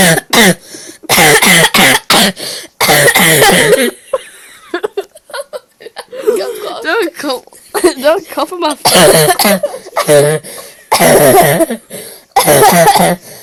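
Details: Repeated clusters of harsh, forceful coughs mixed with gasping laughter, a prolonged coughing fit set off by laughing after someone sniffed bedsheets.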